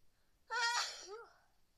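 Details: Adult with a cold caught in a freezing air-conditioned office, sneezing repeatedly: a single sudden voiced sneeze burst with a short trailing exhale.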